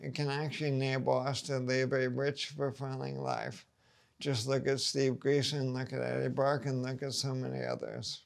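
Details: Man with ALS, about two and a half years after diagnosis, whose voice shows the disease progressing; dysarthria (ALS).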